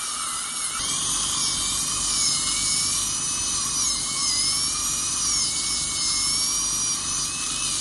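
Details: High-speed dental drill whining steadily with slight pitch wavering during crown preparation for a porcelain-fused-to-metal dental bridge replacing extracted right upper second premolar and right lower first molar, with drifting of adjacent teeth, on a real patient.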